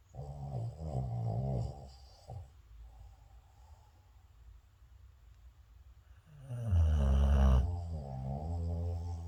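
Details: Two deep, rumbling snores with a pause between them; low, vibrating sleep breathing; snoring.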